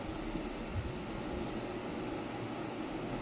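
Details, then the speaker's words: Class 4 physiotherapy laser, 10 W, 980 nm, demonstrated firing onto paper until it burns: steady, evenly spaced high beeps about one per second over loud room hum, signalling active laser output. "When I start the same, you will be hearing the sound of the laser, beep beep beep beep, and I put the same."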